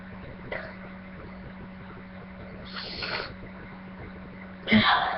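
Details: A person feeling very sneezy: a steady low background hum, a soft breathy burst midway, then a louder sharp sneeze at the end.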